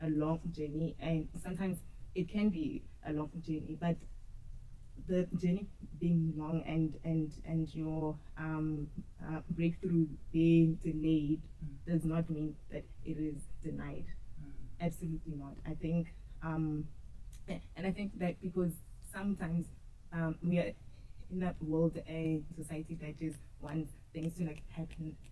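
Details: Adult woman who stutters, audible in her speech, and who used to struggle a lot with stuttering; stuttering.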